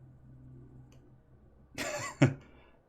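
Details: Person coughing in background of a live game stream.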